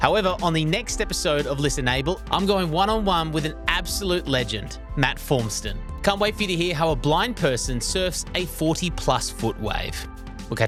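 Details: Adult male speaker; normal speech.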